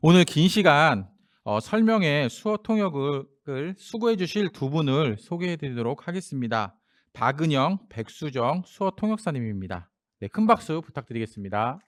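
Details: Adult speaker; ordinary speech.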